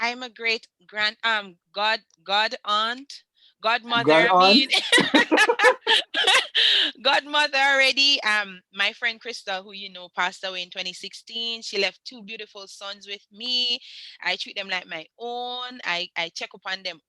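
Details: Foreign accent syndrome in a Jamaican woman after a head injury and stroke from a 2019 car accident; her accent went from American to Trinidadian to a persisting British one.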